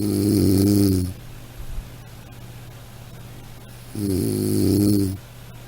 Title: Soothing Snoring Sound - Black Background